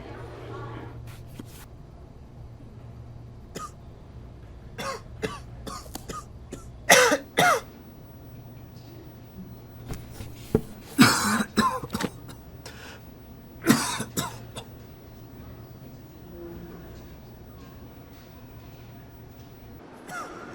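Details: Simulated: an adult acts out several sharp coughs and throat clearing in a quiet room with a low hum, for a public health message on covering coughs.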